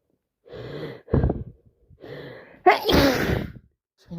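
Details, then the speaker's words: Two sneezes in quick succession, each with a sharp in-breath then a forceful explosive burst, on day 6 of a wet head cold with constant sneezing and an itchy, dripping nose. "I'm so snotty and sneezing. He hasn't stopped for a week."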